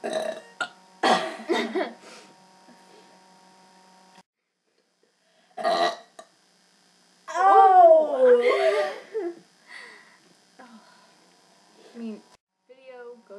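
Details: Two girls burping deliberately: several loud voiced burps, one long and drawn out, with giggling and brief talk between them.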